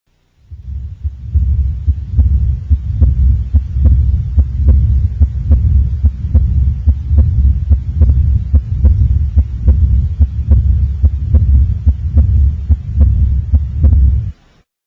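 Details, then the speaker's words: Well child with no symptoms: steady low-pitched continuous hum beneath regular heartbeats at about 72 a minute, mostly over the neck, loudest sitting up and softer lying down; benign cervical venous hum. "this is a low pitched continuous hum the child is well and has no other corresponding symptoms so this must be a cervical venous hum yep that's it"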